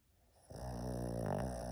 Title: Pug sleeping and snoring 💤 no mute 🐄 храпит как дед 😂